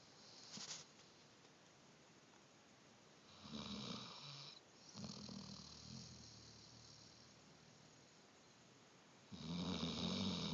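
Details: Snoring: soft, raspy snores with a low rattle in a few spaced bursts, with quiet gaps between.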